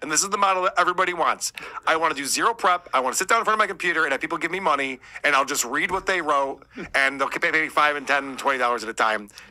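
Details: Adult man; typical speech.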